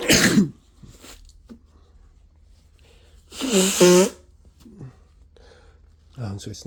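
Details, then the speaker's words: Person with the flu sneezing repeatedly: two forceful sneezes with a sharp inhaled lead-in and loud burst, then a brief sigh, feeling another sneeze coming; sneezing. "it's an easy I feel another sneeze I really really have to sneeze"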